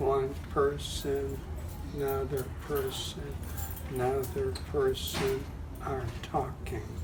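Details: Person with aphasia with halting, fragmented speech; aphasia.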